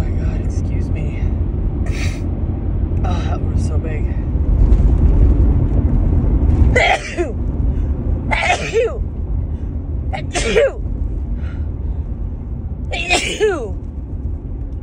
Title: 9-14 March sneezes (f, cold/allergies)